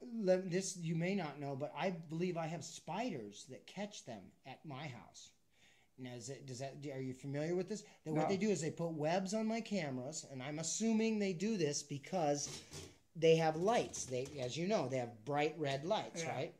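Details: Adult speaker; normal speech.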